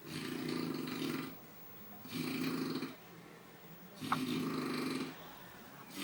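Three loud, rattling snores, each about a second long, separated by quiet pauses, at roughly 30 a minute: steady snoring.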